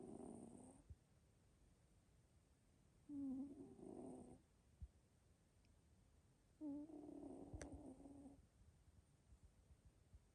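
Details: Fairly loud, soft rhythmic rasping snores on each breath, about 17 a minute, over quiet room hiss; a sleeping Scottish Fold cat, about 3 years old (turning 4), snoring.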